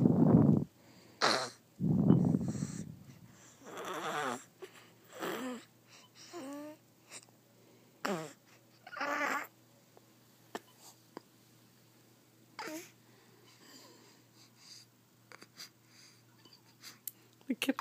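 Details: Irregular snores and snorts, some with a whistling, squeaky edge, in a quiet room, from a sleeper who then drools: noisy snoring.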